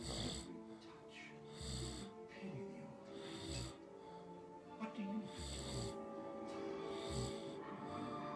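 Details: Adult man snoring while just starting to fall asleep: repeated rough snorting snores, several per breath cycle, partly masked by background music; snoring.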